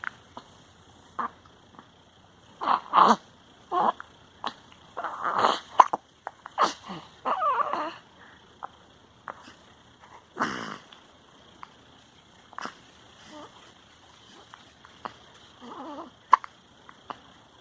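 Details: Baby with hiccups: short, abrupt catches of breath repeating at irregular intervals with small vocal squeaks between them; infant hiccups.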